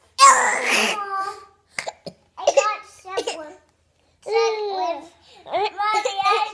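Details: A single harsh cough from a child, one of two children stuck with hiccups, followed by a few short vocal sounds and babbling.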